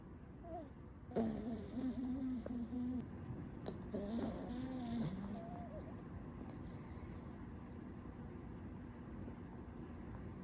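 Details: A pug sleeping in the morning, snoring loudly with snorting, whistling nasal sounds over quiet room noise, typical of noisy breathing in a flat-faced breed.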